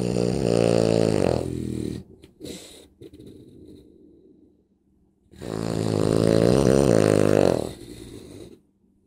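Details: Dog snoring very loudly: long, harsh, buzzing snores over two drawn-out breaths, with quieter snuffling between them.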